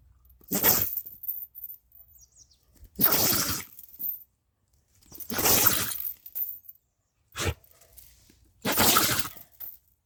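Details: Repeated sneezing from a rural pet dog, possibly with a cold per tags: five short, sharp, hissing bursts about every two seconds.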